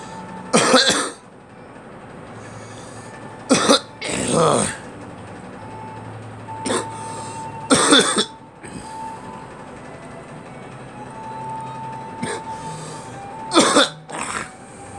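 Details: A girl gives about eight harsh coughs in short clusters, with a steady beeping hum and room noise behind them; cough.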